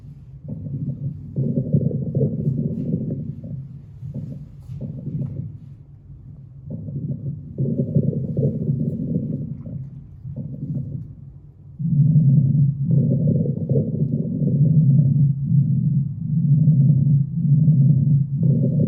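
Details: Abdominal auscultation through a stethoscope: repeated low gurgling and rumbling bursts; normal active bowel sounds.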